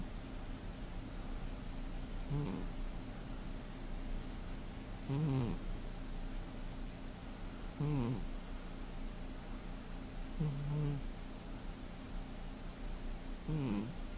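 Soft squeaky snores every two to three seconds over steady background hiss, about 22 a minute; a sleeping cat snoring.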